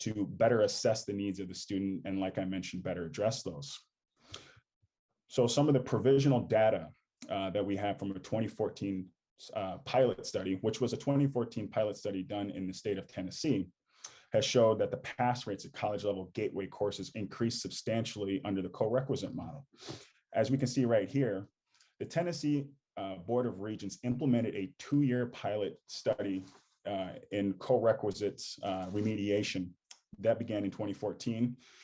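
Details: Adult male speaker; ordinary speech.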